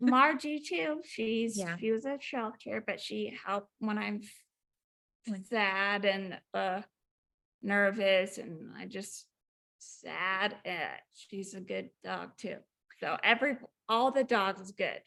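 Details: Woman about 4 years after a 2019 ruptured brain aneurysm with intracranial and subarachnoid hemorrhages, initially unable to speak, 5 brain surgeries in 7 weeks; aphasia with apraxia of speech.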